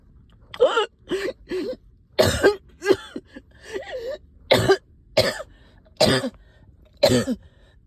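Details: Productive cough in a person up all night with a heavy chest and headache: about ten short harsh coughs in clusters, some wet and rattly, from stubborn sticky phlegm.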